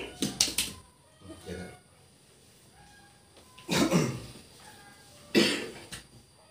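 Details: Patient with persistent dry cough and shortness of breath, improving during acupressure nerve treatment: several short, sharp, dry cough bursts in a quiet room with faint talk; dry cough.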